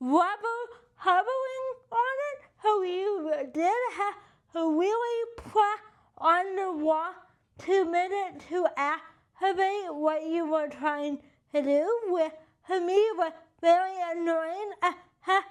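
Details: Adult with cerebral palsy and limited hand function; dysarthria (cerebral palsy).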